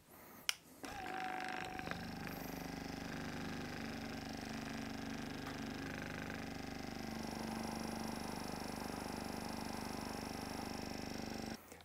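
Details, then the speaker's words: A massage gun used for respiratory chest percussion together with an oscillating positive expiratory pressure device gives a steady buzzing motor hum with rapid pulsing and breathy airflow while trying to clear mucus. "the combination of percussion from the mechanical gun and the oscillating pressure causing a vibration through the Airways was useful for trying to clear secretions"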